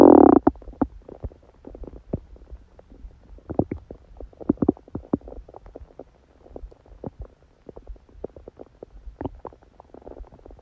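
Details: Woman during menstruation, with dull abdominal ache: scattered gurgles, pops and bubbling clicks from the belly; stomach growling bowel sounds.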